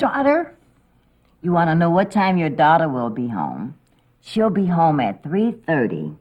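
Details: Adult woman, acted; Typical speech.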